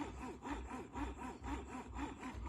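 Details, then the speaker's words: Steady rhythmic mechanical whooshing, about two cycles a second, from a Medela Symphony hospital-grade breast pump running in let-down mode with its suction dial turned up. "so i will turn it on you can hear how quiet it is it does start out in let down mode so you will have that and you can move the dial up this is it"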